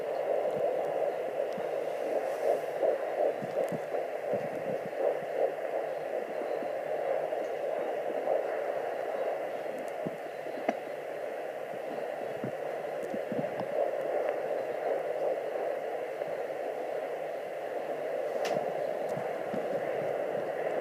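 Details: Fetal heartbeat at 11 weeks 4 days on a Sonoline B fetal Doppler: fast, faint beats at about 167 a minute, popping in and out under a loud whooshing sound (possibly an artery) as the baby moves a lot.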